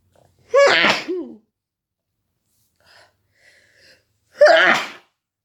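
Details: Person feeling sick, woken at night sneezing: two loud, explosive sneezes, each with a brief voiced catch, a few seconds apart with quiet breathing between; repeated sneezing.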